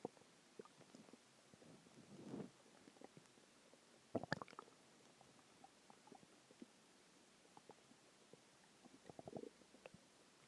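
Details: Normal bowel sounds (borborygmi) a few hours after a huge meal: quiet gurgles and a few brief rumbling bursts over faint hiss.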